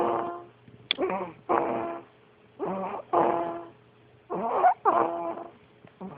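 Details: Sleeping animal snoring: paired buzzing, tonal snores on breathing in and out, repeating about every 1.7 seconds.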